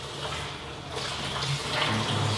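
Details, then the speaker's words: Ranger rapid infuser at 300 mmHg pumping 1 litre of saline through an Arrow 8.5 Fr Rapid Infuser Catheter, 6.4 cm long; steady rushing, gushing fluid with low hum like a running tap; rapid large-bore flow, the litre delivered in 46 seconds. "so we have the reine rapid infuser cange 8 1/2 French at 6.4 cm long so this is the short W same diameter as the first um Arrow uh sheath introducer the Cordis as the Americans call it but much shorter"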